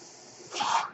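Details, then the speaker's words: Mechanical ventilator that a podcaster says is his own, audible during his recording: in a quiet room, a brief airy hiss swells and fades within a second, one ventilator breath cycle. "Hello, everyone. My name is. That noise you're hearing is my ventilator. And welcome to Page Turners They Were Not, my Star Wars podcast."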